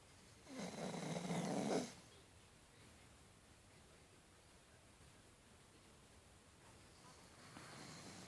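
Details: Male dog snoring while asleep and dreaming: one loud, rough snore on breathing in, then quiet breathing and a fainter snore at the end.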